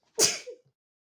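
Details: A single sharp, hissing sneeze burst with a brief voiced tail; one strong sneeze.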